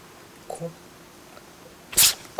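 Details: A single short, sharp hissing sneeze from a rural outdoor yard cat, with a faint vocal sound just before it; the owner notes the cat's nose is wet.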